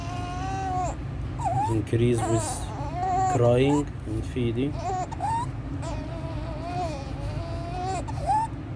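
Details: 14-day-old full-term baby admitted with meconium aspiration, now resolved, with inspiratory stridor, severe chest drawing, suprasternal and intercostal retractions, increasing with crying and feeding; inspiratory stridor.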